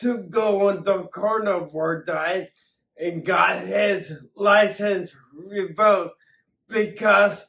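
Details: Adult man with acquired ataxia from several strokes affecting the cerebellum; ataxic dysarthria.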